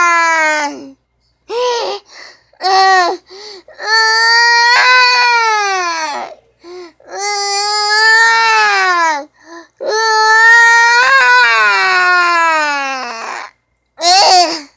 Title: Morton Plant North Bay Hospital. Baby Crying Sound Effect